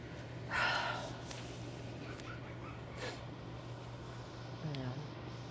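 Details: Person with a tic disorder on a light tic day, emotional while discussing a tragedy: sudden short snorting and sniffing noises over a steady background hum; involuntary vocal tics.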